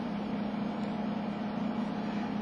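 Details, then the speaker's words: Steady low motor hum of an intermittent suction machine running just after power-on, with no other sounds; normal operation. "when powering on your inner suction machine you can power on and actually hear the motor running"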